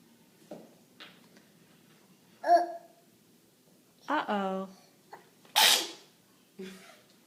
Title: August 10, 2013: the sneeze